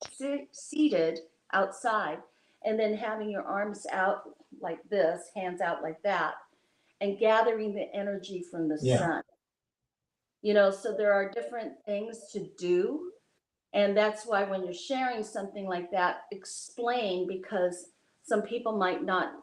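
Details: Adult woman speaking; ordinary speech.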